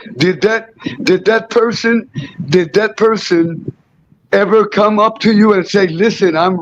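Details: Adult interviewer; Normal speech.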